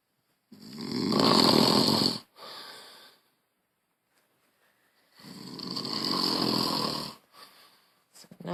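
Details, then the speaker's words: Adult man snoring loudly during sleep while kicking his leg: loud, rough snores on the in-breath, about 4 seconds apart, with quiet pauses between. "you can see yourself how you snore so loud and how you kick your leg."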